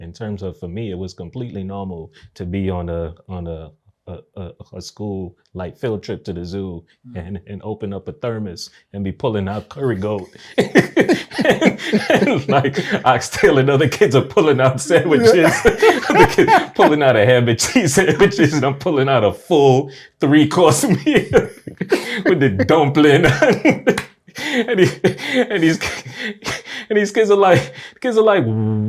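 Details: Adult man who has stuttered since age three, onset after a nightmare; reports blocks and repetitions, worsened by anxiety into adulthood; speech therapy since 2020; stuttering.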